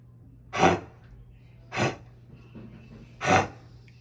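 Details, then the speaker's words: A dog gives three harsh, dry, hacking coughs in a few seconds: a nasty kennel cough, a contagious cough from respiratory infections that can last up to three weeks. "Well, that is a nasty cough. And the thing with kennel cough, though, is that it can be caused by different respiratory infections, and it spreads so quickly and easily."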